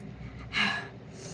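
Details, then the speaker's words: Person sneezes during a live colouring stream after announcing the sneeze. "Sorry, I'm gonna sneeze. Okay."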